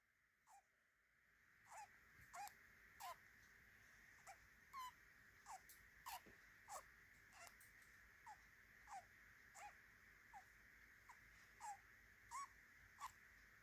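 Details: Two-month-old budgerigar, three days in new home, making soft regular squeaky clicks about 90 a minute over background hiss for brief periods daily, seemingly when people look in; owner wonders whether stress or illness; abnormal respiratory sound.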